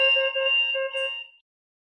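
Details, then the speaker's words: Short electronic chime fading within about 1.5 seconds as an electronic infusion pump (IV fluid counter used for children and newborns in intensive care) is switched off. "طيب بعد ما طفيت الكهرباء راح نرجع نعيد شرح بسيط."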